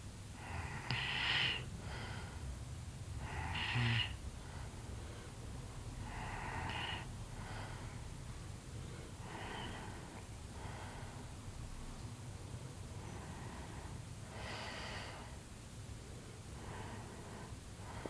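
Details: Person napping, tired after morning activity outdoors, recorded for a sleep vlog: rough snoring on slow, steady breaths, about 7 breaths in 18 seconds, over faint room noise; snoring.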